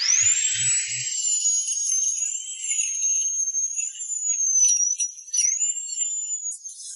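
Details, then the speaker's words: Steady high whine of a dental implant drill, pitch dipping slightly under load. A small 8 mm bit pre-drills dense alveolar bone after the gum is cut and lifted, under anaesthetic, with saline spray cooling. "These big and small bits are used to drill holes in the alveolar bone The surface of the alveolar bone is dense and relatively hard At first, a small drill bit of 8 mm should be selected for pre-drilling."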